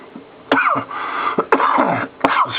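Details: Adult with a persistent cough of about two weeks, trying boiled honey-water steam as a home remedy; three harsh cough bursts in quick succession, each with a voiced, rough tail.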